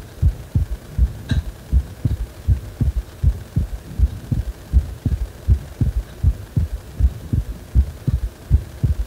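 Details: Heart sounds described as feeling like the heart is wobbling: steady, regular low thumping heartbeat about 80 beats a minute, faint background hum.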